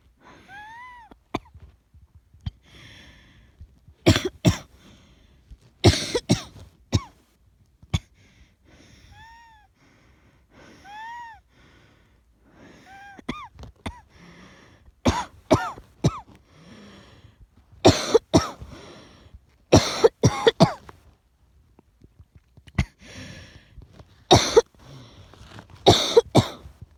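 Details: Repeated harsh coughs in short clusters, with high, whistling, wheezy breaths in between: an asthmatic cough with wheeze.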